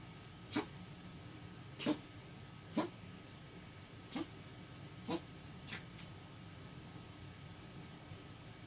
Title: Sprite Cough 7.2.19